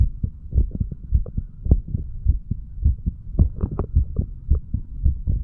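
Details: 35-year-old male, standing, recording his own heart through the mitral, tricuspid, pulmonary and aortic areas, then the right ventricle area: steady lub-dub about 100/min with a low background hum, clear valve closures; normal heart sounds.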